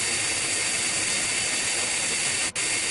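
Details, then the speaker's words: High-speed dental handpiece with 1 mm round bur held perpendicular to the occlusal plane, continuous high-pitched whine and air hiss briefly interrupted, establishing cavity depth at the fossa of a lower first molar for Class I amalgam preparation. "this is done by the use of a round bur one millimeter in diameter the burr is put perpendicular to the occlusal plane at the depth of the Fossey"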